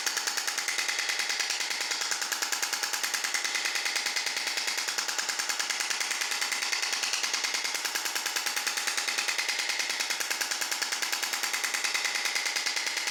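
Steady, rapid mechanical tapping at about 146 pulses a minute, harsh and monotonous, from a shock wave therapy device at work.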